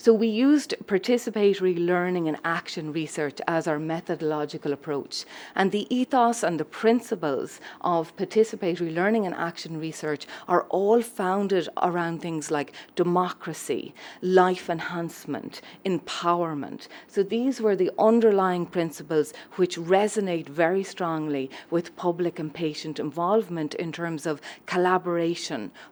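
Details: Adult woman speaking; normal speech.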